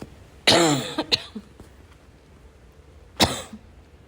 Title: wheezing barking cough 2